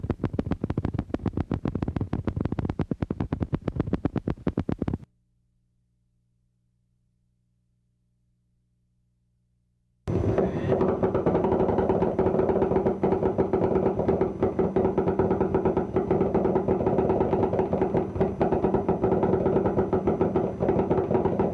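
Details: Needle EMG of high-amplitude, long-duration MUPs: loud, deep, rapidly repeating thumps. These are the hallmark of chronic denervation with reinnervation, becoming obvious several months after nerve injury.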